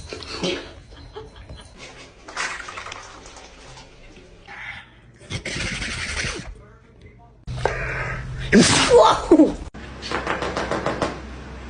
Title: Dog sneeze😭😭😭 #animalshorts #dogs #funny